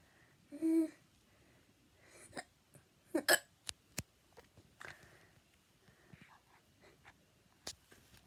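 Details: Hiccups: a few short, sharp, abrupt click-like hiccups and a brief squeak, spaced irregularly.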